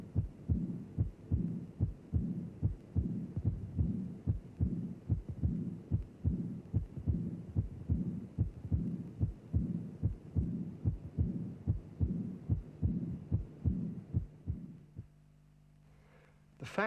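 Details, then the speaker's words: Early diastolic murmur, regular heartbeat about 73 a minute: a soft high-pitched murmur beginning right at the second heart sound, inseparable from it. "immediately after the second sound you can hear a high pitched soft murmur it begins with the second sound you cannot separate them therefore it is an immediate or early diastolic murmur"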